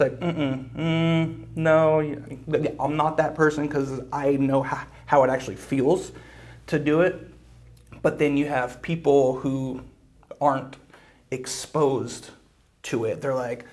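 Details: Adult man who reports blocks and getting stuck, using breathing and other fluency strategies to stay fluent; stuttering.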